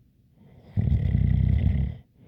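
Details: One long, deep, fluttering snore on a breath in, with a faint light whistling edge.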